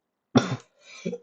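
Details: Cough.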